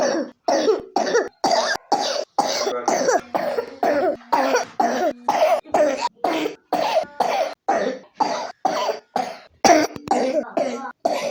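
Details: Repeated short, harsh coughs in rapid bursts, about two a second, from a 3-year-old child with pneumonia.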